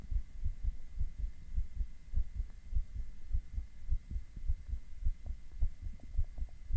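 Regular low thumping heartbeat at about 105 beats a minute with a faint steady hum in the background.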